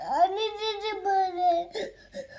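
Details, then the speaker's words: Young boy crying, a long wailing cry and then shorter sobs; he had asked for a handbag in the morning and then cried for honey jujube, a sweet made from ber fruit. "Hand bag అడిగి ఇంకా ఆ తర్వాత honey జిజిబిలేని ఏడుస్తున్నాడు చూడండి ఏం కావాలి"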